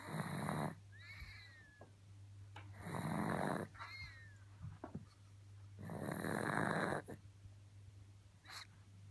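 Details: Pug sleeping, harsh rumbling snores on breathing in with short whistling squeaks on breathing out, about 20 breaths a minute, over steady background hum: snoring.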